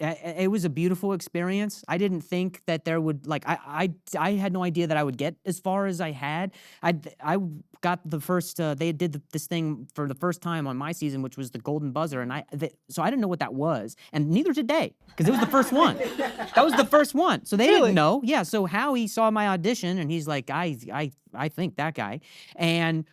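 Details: Adult man with acquired persistent stutter since age 20, after a softball hit his throat and he hit his head; diagnosed minor vocal contusion with major concussion, later traumatic brain injury; has had therapy; stuttering.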